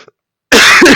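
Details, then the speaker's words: A single loud, harsh cough burst after a brief silence, from a person talking during a game session who then apologizes for coughing; an ordinary cough. "Apologies to anyone watching about the coughing."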